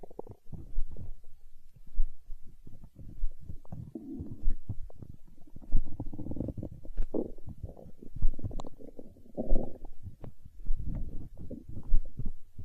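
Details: Hunger stomach growling recorded for ASMR: continuous low gurgling and rumbling with bubbling pops in irregular waves from gas and fluid moving through the gut (borborygmi).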